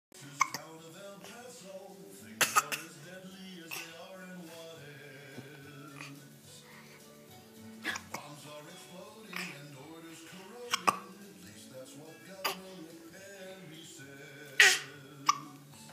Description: Cough hiccups